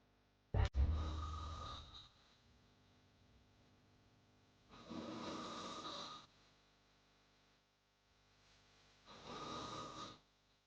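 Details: Snoring sound-effect recording: three soft rasping snores roughly four seconds apart, each about a second long; snoring.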